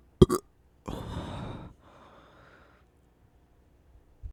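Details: Burping after a meal: two short gulping sounds, then one long, low, rumbling belch that fades into a softer tail; an ordinary burp.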